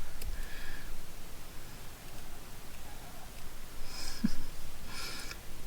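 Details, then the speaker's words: A dog lying next to the speaker snores audibly in the room; snoring. "can hear my dog snoring that is my dog next to me here"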